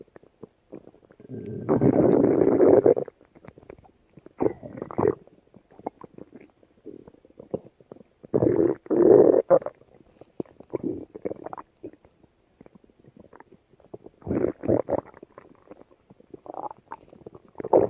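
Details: Rabbit's belly: low gurgling rumbles in bursts with soft popping between, normal bowel sounds.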